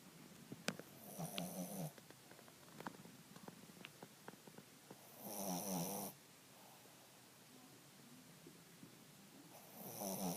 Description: My dog Ebony snoring. She's 17 now so she sleeps a lot now a days.